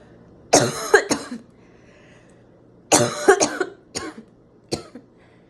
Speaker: I'm gonna sneeze. My snot is literally making my phone